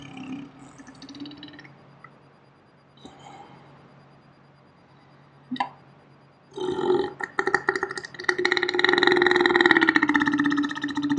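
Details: Adult burping in slow motion, recorded on a day off: after a few quieter sounds, a long, drawn-out, rattling belch, slowed down; burping.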